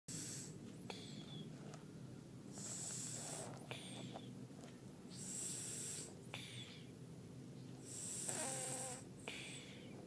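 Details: Repeated rough, hissy snores about every three seconds, each ending with a short whistling squeak, over a steady background hum; snoring.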